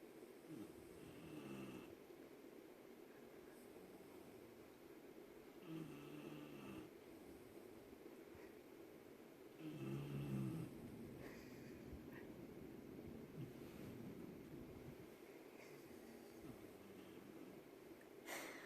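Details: A pitbull puppy and another dog snoring together while asleep: soft, rough snoring sounds with each breath, a few rounds over about twenty seconds, against a quiet room hum.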